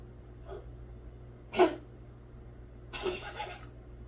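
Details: Dog with something wrong, owner plans to tell the vet; three short, harsh, noisy coughing or hacking bursts in a quiet room.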